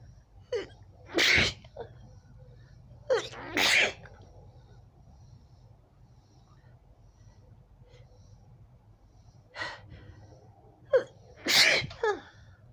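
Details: Woman with allergy, itchy red eyes and itchy throat: three forceful sneezes, each after a sharp inward breath, in a quiet room; an allergic sneezing fit.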